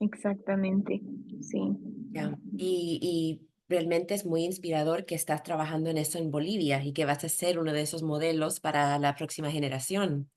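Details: Adult woman speaking Spanish (interviewer); normal speech.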